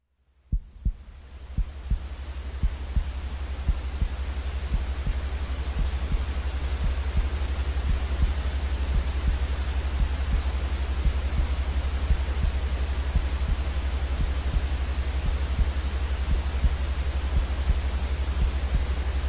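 Steady rhythmic low heartbeat thumps, about 176 a minute, under loud continuous white noise; a soothing heartbeat sound for infants.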